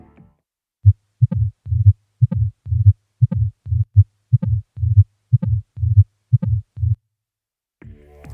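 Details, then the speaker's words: Tricuspid stenosis murmur, heartbeat near 60/min, each beat followed by a low rumble; best heard at the base of the xiphoid process, radiating slightly rightward. "шум при нозе трёхстворчатого клапана лучше всего выслушивается в области основания мечевидного отростка и немного проводится вправо"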